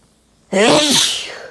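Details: A single sudden, forceful voiced sneeze with a hissing burst of air that fades quickly, from a sneeze compilation; a sneeze.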